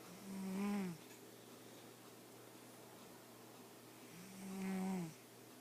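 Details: Two slow snores about four seconds apart, each a low, buzzing, throaty sound on the in-breath, over a quiet room, from a sleeping cat; ordinary snoring.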